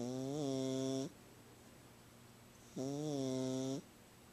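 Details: Female cat that snores every time she sleeps, louder than usual today: two drawn-out, buzzing, tone-like snores about three seconds apart with quiet pauses between; sleeping cat snoring.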